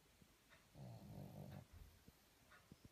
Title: Snoring pug